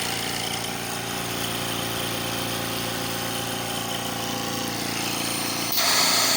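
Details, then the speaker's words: Invacare Platinum 10 L oxygen concentrator after compressor replacement, running at 10 L with a green light and acceptable oxygen percentage: steady mechanical hum and rapid compressor pulsing with no rattles; normal running. "se escucha bastante bien"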